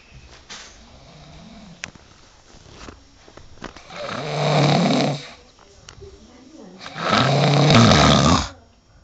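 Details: Tired student sleeping on a 2009 school biology class trip: loud, rough, rattling snores about every four seconds over faint room noise; ordinary heavy snoring.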